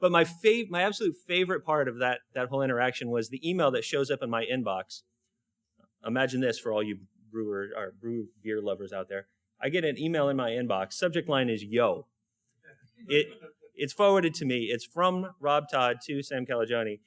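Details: Adult male speaker; normal voice.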